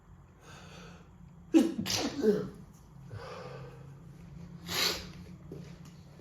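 Two sharp sneezes in close succession, then a third about three seconds later, over quiet room noise; a sneezing fit with a cold.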